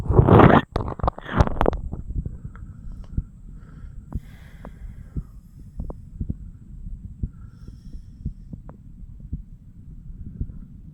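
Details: A 34-year-old man listens to his own chest with a stethoscope over the mitral, tricuspid, pulmonary and aortic areas; handling noise, then faint regular lub-dub beats; normal heart sounds.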